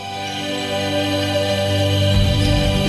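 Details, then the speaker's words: Tinnitus masking sound from a Neuromonics tinnitus treatment device: soft, slow, soothing music with steady held tones that covers ear ringing. "And what you're basically doing is masking the sound that you're hearing in your ear, that ringing sound with a with a more pleasurable, soothing sound, which I want you to hear."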